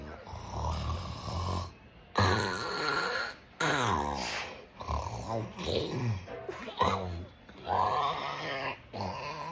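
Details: Imitated snoring, acted rather than real, during an afternoon nap.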